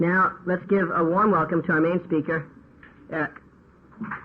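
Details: Adult male speaker; normal speech.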